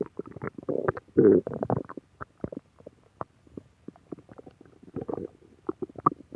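Irregular gurgling and rumbling bursts of varying length, with short quiet gaps between them: stomach growling, or borborygmi.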